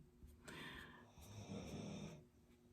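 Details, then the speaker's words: Sleeping dog snoring super loud during a live art class: loud, rough, rumbling breaths with a snorting quality in a quiet room; snoring. "My dog is snoring super loud. You could probably hear that."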